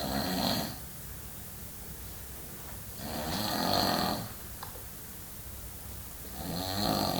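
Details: Snoring from a sleeping man: rhythmic rattling snores on each in-breath, roughly one every three seconds, with quiet gaps between. He grows loud later, and it is asked whether he nearly stops breathing.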